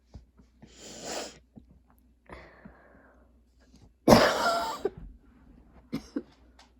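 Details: Repeated harsh coughing fits, the last cough loud and forceful, with breathy sounds between; persistent cough despite current medication, plans to ask doctor for a different one; cough.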